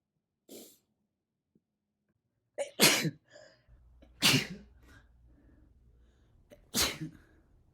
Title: compilation of my sneezes